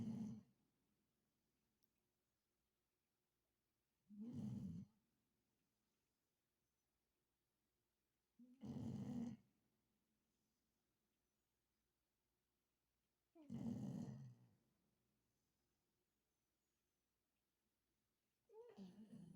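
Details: Low, rumbling snores recurring about every four to five seconds, roughly 13 a minute, with quiet pauses between them; ordinary snoring.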